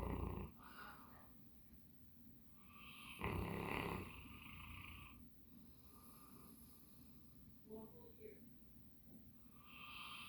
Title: Max our Bernese Mountain Dog snoring